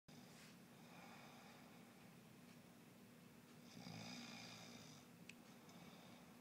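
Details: Person snoring in sleep: steady low droning breath noise with a louder rough snore partway through, recorded at low level with room hiss.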